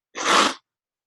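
A single sharp, explosive burst of air lasting about half a second, rising quickly and fading, in a quiet room: one sneeze.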